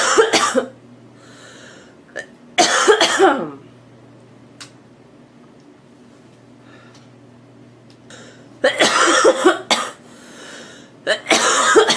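Two clusters of two or three loud, harsh coughs each, with quiet pauses between them and faint room noise.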